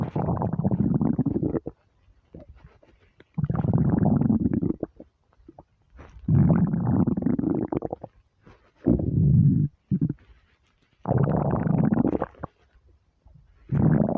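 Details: Starving stomach: loud, prolonged low rumbling growls in repeated bursts separated by quiet gaps; hunger borborygmi.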